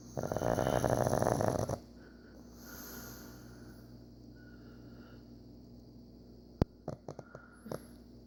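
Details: Sleeping pug: one loud rattling snore followed by quiet breathing and a few soft snorts; snoring.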